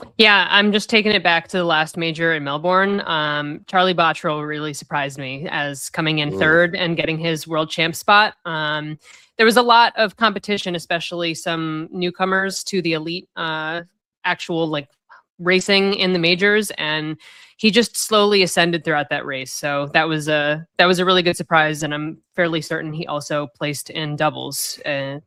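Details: Adult woman speaking; normal voice.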